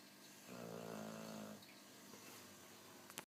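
One loud, rattling, buzzing breath sound from a sleeping dog, then quieter breathing: snoring.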